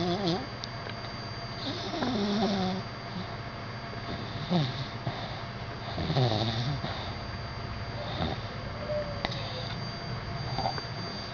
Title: OUR SNORING DOGS